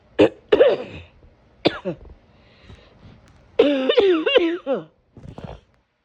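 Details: Repeated harsh, forceful coughs in clusters with strained, voiced whooping tones between bursts; a severe persistent cough.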